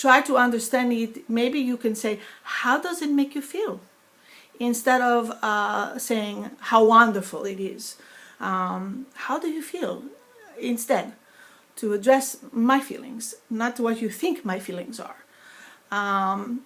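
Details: Woman with foreign accent syndrome after a stroke in 2012, eight years earlier; sounds foreign (sometimes Russian, sometimes Greek) instead of her natural New York accent, less noticeable when speaking faster; foreign accent syndrome.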